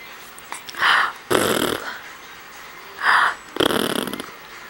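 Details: Person sneezing twice in a quiet room: each a sharp breath in, then a loud, explosive blast of air; sneezing.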